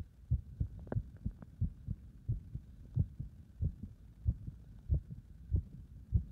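Regular, fairly fast heartbeat, about 90 to 95 beats a minute, with clear paired thumps, recorded under exercise load.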